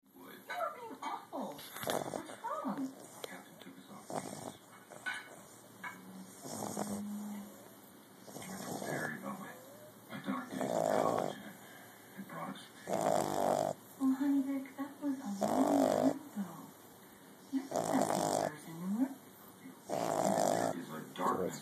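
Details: Bulldog puppy asleep on owner's lap snoring: loud, rough snorts about every two to three seconds, roughly 26 per minute, with quieter snuffling between.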